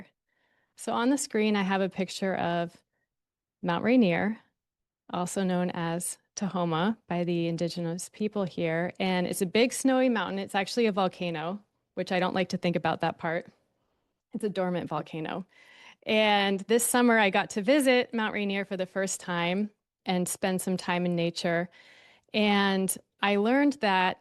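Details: Adult woman; typical speech.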